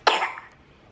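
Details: A sick 14-month-old boy whom a clinic doctor diagnosed with a common cold and an upset stomach: a single short, harsh cough burst.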